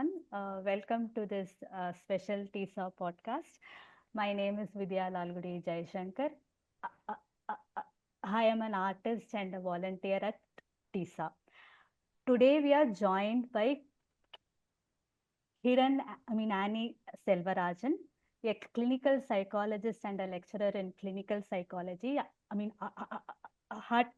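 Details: Adult woman who stammers and also has unilateral hearing impairment; stuttering.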